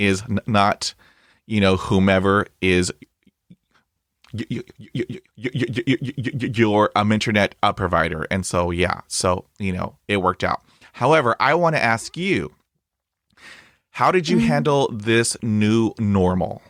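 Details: Adult man who stutters, a podcast host; this stretch has repetitions; stuttering.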